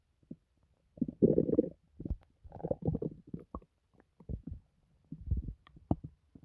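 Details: Loud, frequent stomach gurgles and bubbling rumbles from the person's own belly, reported as painless, after a recent hospital visit; borborygmi from gas and fluid moving through the gut.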